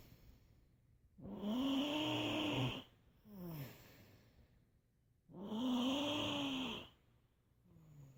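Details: Slow, steady snoring, about 15 breaths a minute, with a buzzing, fluttering tone on each in-breath and a softer out-breath.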